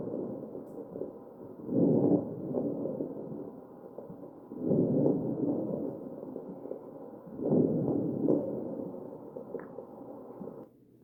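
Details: Ventilated patient's chest: three slow, noisy breath cycles, about 20 a minute, with rough crackling through each breath; crackles.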